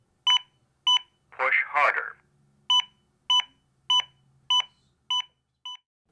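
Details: Zoll AED Plus fully automatic defibrillator with Real CPR Help gives steady CPR compression pacing beeps at about 100 per minute with a brief spoken prompt.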